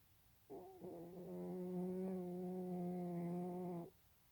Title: Not your average cute kitty snores